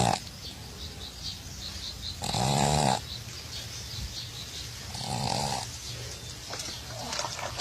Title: Funny Dogs Dog Sleep And Snoring Haha